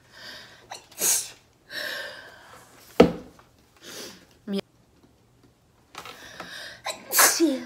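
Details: Female singer, formerly of Sistar, during a live broadcast: several sharp, sudden bursts of air, some with voiced catches, mixed with brief talk and breaths; repeated sneezing.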